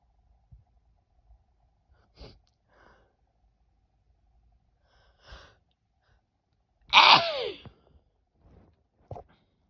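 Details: Adult woman in a sneezing attack gives one loud, forceful sneeze after a few quiet breaths and sniffs.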